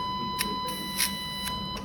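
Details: Steady high-pitched tone with brief crackling bursts as an electrosurgical unit is activated and tested, cutting into a piece of ham on a return plate coated with conductive gel; electrosurgical unit activation tone.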